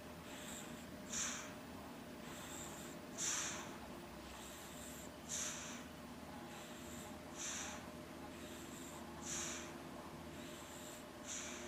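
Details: Baby sleeping in a stroller: soft, regular, snuffly snorts with each breath, about 29 a minute, over a steady background hum; noisy nasal breathing or snoring.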